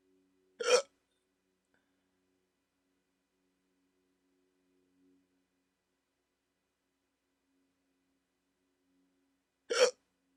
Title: 14 MINUTE HICCUP ATTACK 😩 Waking up with the hiccups - Sleep Apnea CPAP Treatment January 31, 2024